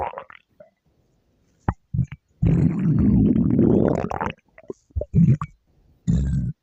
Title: Girl’s stomach growl